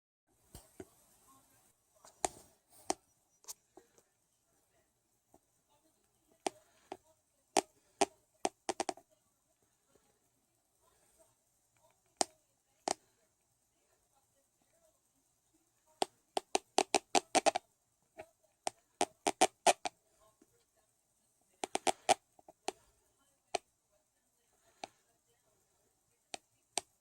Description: Recorded while i was sleeping, bad teeth grinding